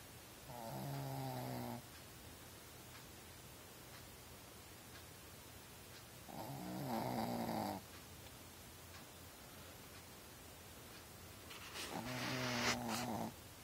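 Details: Sleeping puppy snoring beside its owner on a bed or couch: three drawn-out, buzzing snores about four to five seconds apart, roughly eleven a minute, in a quiet room.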